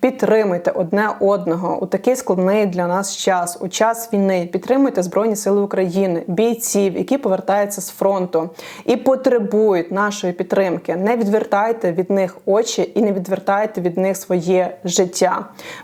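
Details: Adult woman speaking; ordinary speech.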